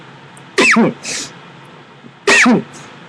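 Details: Person with Tourette's syndrome and Asperger's, who says they move too much: two abrupt, high squeaky vocal bursts with a breathy puff between them, fitting simple vocal tics.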